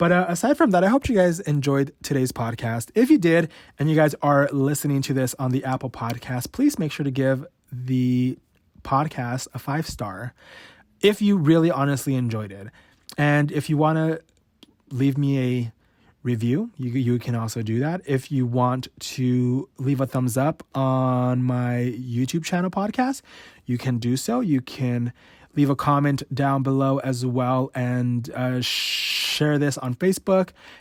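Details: Adult male podcast host who has stuttered since about age 5 or 6, worse since his teens, showing his real, unedited stutter: stuttering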